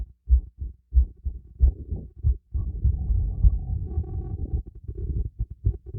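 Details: Heartbeat recorded by stethoscope during light workout with breathing: regular low thumping heartbeat, roughly 90 a minute, partly covered by breathing noise; normal heartbeat.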